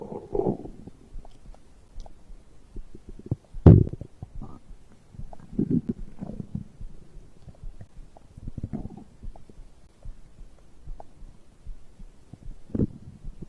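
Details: Stomach growling recorded after drinking a beverage: low gurgling rumbles and bubbling pops coming and going, with one louder gurgle; ordinary digestive bowel sounds.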